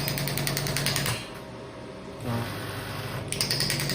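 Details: Rapid rattling pulses, about four a second, fade briefly and resume with room noise: a pneumatic extracorporeal shockwave therapy (ESWT) probe firing shots on a 0.5–12 bar device.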